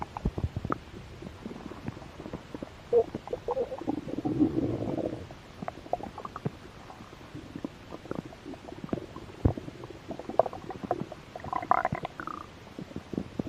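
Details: Stomach growling (borborygmi) from a slightly hungry stomach, recorded for ASMR: gurgling, bubbling rumbles with many small pops over several seconds; normal bowel sounds.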